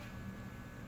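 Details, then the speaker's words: Kids Dream electric baby nasal aspirator, turned on by holding the button 3 seconds, with 5 speeds: a faint, steady low motor hum and thin constant whine as it runs. "So, to turn this on, you basically hold the button in for about 3 seconds. And it'll turn on. And it's got a bunch of different speeds."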